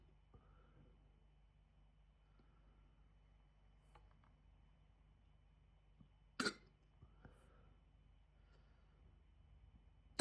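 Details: Hiccups after eating a chicken tikka jalfrezi curry: faint, abrupt catches every few seconds and one louder sharp gulp in a quiet room.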